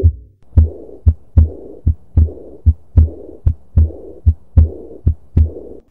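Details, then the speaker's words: Aortic regurgitation in a heart-failure context: regular heart sounds near 75 a minute, each followed by a high-pitched, soft, blowing early diastolic murmur heard best at the left sternal border. "and here we have the aortic regurgitation a high pitch an early diastolic murmur heard best at the left sternum border listen on"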